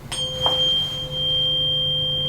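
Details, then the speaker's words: Role-play head-to-toe exam: a struck tuning fork rings with a pure, steady high tone that fades slowly during a Weber test; the person first reports hearing it on one side, then on both sides when repeated. "Next, we're going to do the Weieber test. Let me know if you hear it on one side first or both sides at the same time."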